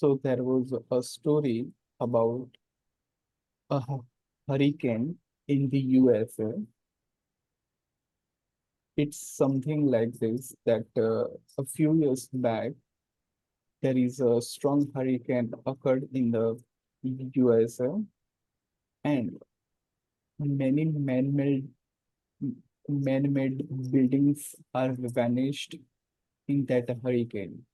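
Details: Person who stammers, deliberately practising voluntary stammering with high-frequency light bouncing on the first sounds of words; stuttering (voluntary stammering).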